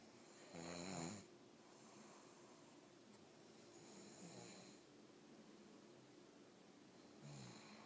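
Rough, rattling snores on inhalation, about three in eight seconds, over steady room hiss: ordinary snoring.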